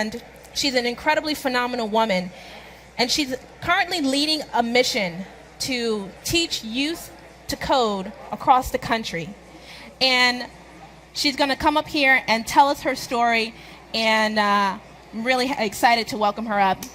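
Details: Adult woman speaking; ordinary speech.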